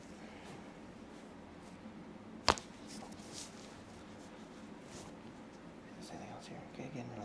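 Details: Chiropractic neck adjustment of a seated female patient, chin tucked then raised after breathing in and out: a single sharp crack of joint cavitation against a quiet room.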